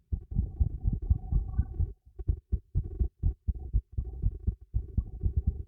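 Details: Own heartbeat recorded with a microphone fixed beneath a teacup: muffled, regular low thumps at roughly 60 beats a minute; normal rhythm.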